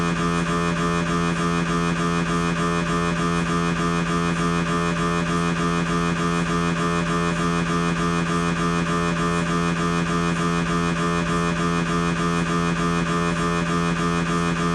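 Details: Siemens MAGNETOM Lumina 3 T MRI, lumbar spine, T2-weighted transverse axial turbo spin echo sequence: loud, steady, fast droning buzz with a low tone, pulsing about 200 times a minute; MRI scanner noise.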